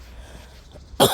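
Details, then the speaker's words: Single light cough from a sick dog walking ahead outdoors; owner says he has been coughing and feeling unwell and is taking him to the vet; one sudden harsh burst after near silence. "тут переди вот он в тиночка кашляет слышите Как вот так вот лёгкий у него"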